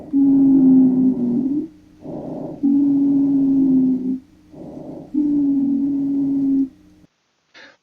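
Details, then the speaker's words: Recording of a polyphonic expiratory wheeze: long musical whistling tones, mainly on breathing out, with several pitches mixed together rather than a single note. "잘 들어보시면 게 의미 딱 하나는 아니에요 가든 여러개의 음을 섞여 들리는 뭐 그런거라고 보시면 되구요"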